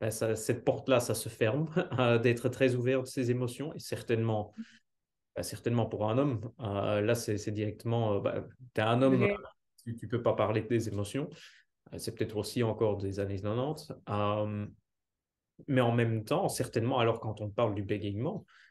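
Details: Adult speaker, French; normal speech.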